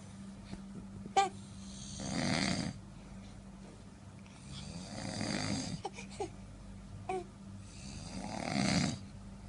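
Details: Three slow, rough snoring breaths about three seconds apart over a steady room hum, from an adult man in deep sleep at night; ordinary snoring.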